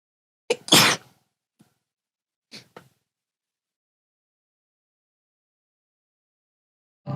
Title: [Holostars] morning sneezes